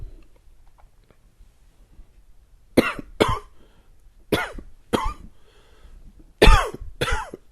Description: Here's a little dry and wheezy one for you....really hope you like it!!